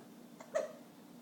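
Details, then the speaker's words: Hiccupping while eating his dinner: a single short, sharp hiccup with a quick catch of breath over quiet room noise. "nice hiccups bub you ready here it comes nice all right folks eating with hiccups one more time say goodbye Bubba"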